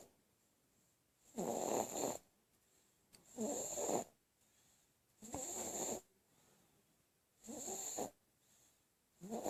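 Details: Sleeping baby with soft, regular snoring, about 30 breaths a minute, each breath with a gentle rasp, in an otherwise quiet room; snoring.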